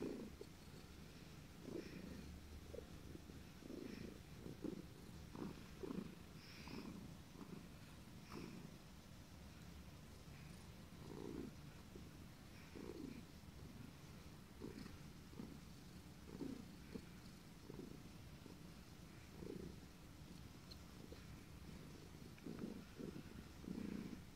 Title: Puff purring with hiccups